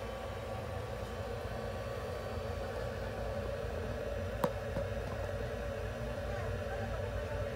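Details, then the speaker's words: Budgerigar under veterinary treatment inside an incubator providing warmed, humidified oxygen therapy; sound of the incubator running. "インキュベーター内で高温保湿酸素療法をしています"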